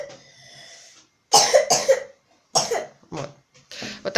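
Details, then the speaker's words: Wet productive cough in a child with a cold: several loose, rattly bursts; the cough was previously dry and became wet during home treatment with herbal chest tea. "Вот, слышите как? Вот, пожалуйста, пример вам. Вот такой у нас стал кашель. А был он у нас сухой."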